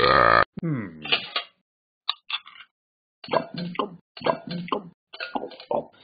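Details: Burping Jingle Bells: a loud belch, then a series of short, voiced belches in a rhythmic pattern, belching the tune.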